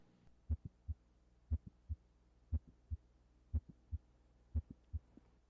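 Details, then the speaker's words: Teaching recording at the apex: regular heartbeat near 59 a minute with a brief high-frequency extra sound in midsystole and no murmur: midsystolic click. "What we heard at the apex was not just whoop whoop. You heard an extra sound in midsy. It was whoop whoop just a little high frequency sound."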